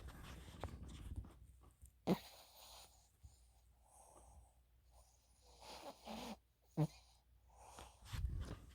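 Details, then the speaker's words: Soft, snuffly breaths every couple of seconds with faint snorts over quiet room noise, from a tired dog taking a nap: light snoring. "tired so she's taking a little um doggy nap so um you can hear her snoring"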